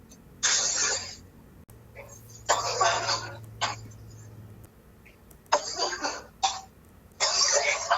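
Harsh, forceful coughs come in about five bursts over eight seconds, with a faint low hum in the room: a coughing fit.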